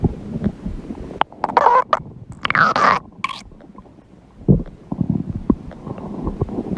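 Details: Low gurgling and rumbling with squeaky bursts from the belly of a person who says she is hungry; stomach growling (borborygmi).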